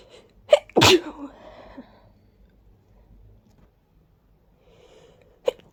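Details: Congested sneezing during an allergy-related sneezing fit after a deep nasal tickle: a loud, wet sneeze with a sharp intake before it, then a short snort.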